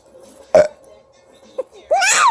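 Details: Parent burping to make his baby boy laugh: a short, low belch, then a smaller one, followed by the child's high-pitched squeal or laugh; ordinary burping.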